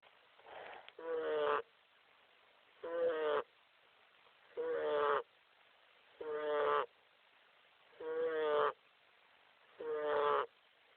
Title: Who's snoring ?